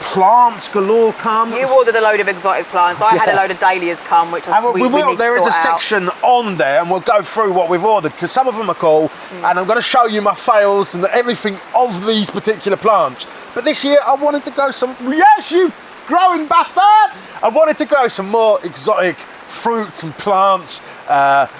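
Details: Man with Tourette syndrome who suppresses tics in public and then tics heavily later, including tic attacks; vocal tics such as swearing outbursts occur mid-conversation. Vocal tics (Tourette syndrome).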